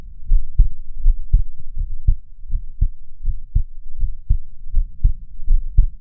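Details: A real, nearly unedited recording of the person's own heartbeat at 78 bpm, with slow breathing; steady, regular low double thumps with no added sounds; normal heart sounds.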